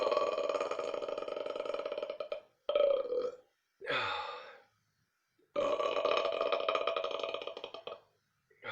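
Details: A series of long, loud, rumbling belches with short pauses between them: burping.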